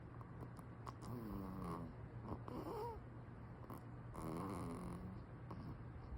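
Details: Soft, rhythmic nasal snoring with brief whistly, squeaky breath noises from a baby napping; ordinary, harmless infant snoring.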